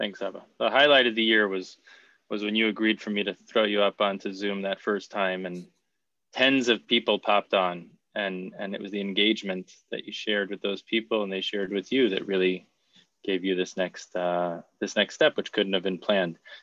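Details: Adult man speaking; normal speech.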